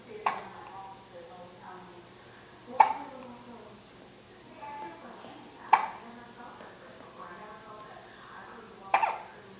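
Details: Baby held over an adult's shoulder gives four sharp, brief hiccups about three seconds apart, with quiet baby sounds and soft talk between them; infant hiccups.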